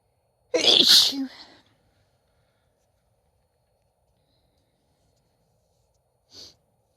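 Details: Single loud, sharp sneeze with a brief breathy tail, then a faint short sound seconds later; an ordinary sneeze, captioned as Christmas sneezes (f).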